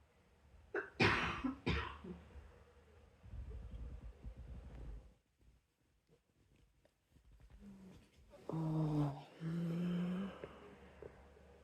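A couple of soft coughs followed by throat clearing and a low voiced grunt, in a quiet room.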